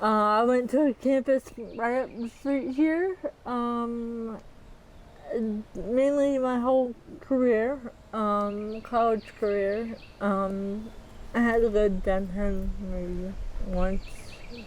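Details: Dysarthria in a 40-year-old woman with athetoid cerebral palsy, full-body involvement with moderate-to-severe quadriplegia, GMFCS level 3/4, uses power wheelchair; speech may be hard to understand; dysarthria (athetoid cerebral palsy).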